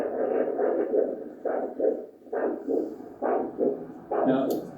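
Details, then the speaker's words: Blood pressure cuff on the arm; handheld Doppler with gel over the brachial artery at the antecubital fossa gives rhythmic whooshing pulses, about 67/min: normal triphasic arterial signal. "so my fingers are on the brachial artery there having done that now I can listen for the signal with my handheld Doppler"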